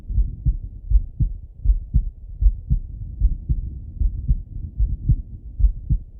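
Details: Male heart auscultation through a stethoscope, recorded either sitting at a desk or lying in bed: regular low lub-dub heartbeats at about 76 a minute, no added sounds; normal heart sounds.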